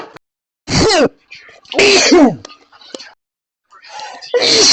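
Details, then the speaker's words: Person with pet allergy, after deliberately visiting a dog-filled house without antihistamines, repeatedly sneezing loudly and sharply while driving home on the motorway; allergic sneezing. "I can't help sneezing the cars are slowing down in front of me but that's okay"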